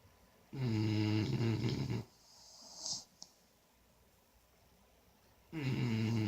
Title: Rio & Kashi snoring 💘